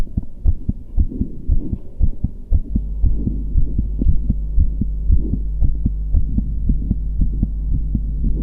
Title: Scenes Heartbeat Sound Muscular Guy